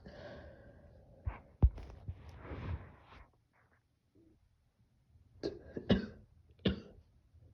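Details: Several short, harsh coughs, some in pairs, with pauses between clusters, from a sick person who is also sneezing and stuffy; the sound is muffled. Cough.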